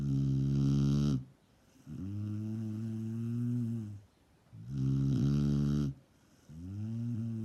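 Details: Snoring: loud, deep, buzzing snores on both breathing in and out, repeating in regular cycles of about 3.5 seconds.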